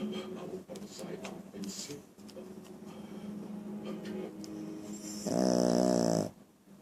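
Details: Low rumbling snores with snorting noises in a small room, ending in a louder, buzzing snore; snoring.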